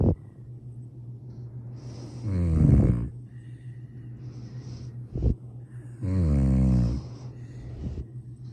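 Two loud, rattling, low snores about four seconds apart with quieter breathing between, roughly 15 breaths a minute; ordinary snoring.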